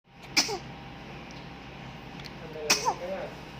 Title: Newborn baby sneezing and yawning #trendingvideo #cutenewbornbaby #newbornbabysneezing #viralvideo